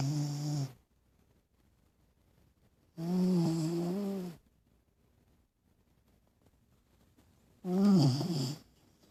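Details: Dog Cricket snoring while sleeping with eyes open: three loud, low, buzzing snores about three to four seconds apart with silence between; regular snoring, about 17 breaths a minute.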